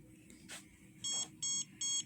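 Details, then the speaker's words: Three even high-pitched electronic beeps from a home intense pulsed light wrinkle-reducing face device during treatment of a 73-year-old man's face. "you see it even beeps so I'll be back"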